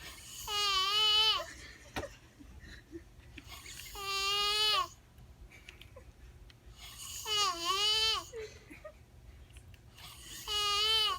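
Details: Man snoring: four loud, high, tonal snores about 3 seconds apart, each with a bleating, lamb-like quality, separated by quiet breathing.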